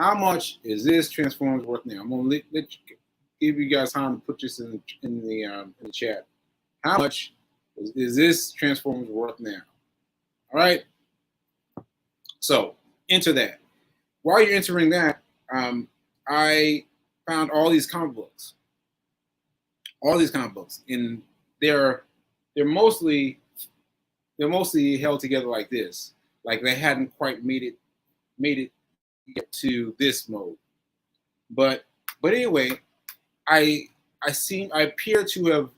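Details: Post-stroke aphasia in a male, stroke on 7/14/22, recorded about a year later during ongoing recovery; word-finding difficulty with fillers and restarts.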